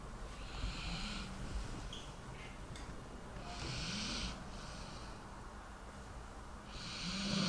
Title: Dog sleeping and snoring ASMR